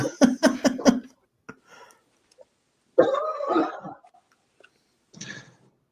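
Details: Adult man (one of the younger in the group) in a coughing fit: about five quick harsh coughs, then a rougher gurgling cough and a softer one.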